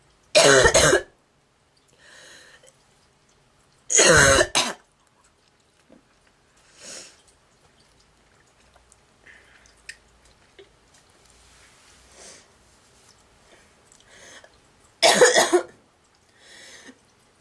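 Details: Girl with a honking, goose-like cough: three loud, harsh, forceful coughs several seconds apart with faint breathing between.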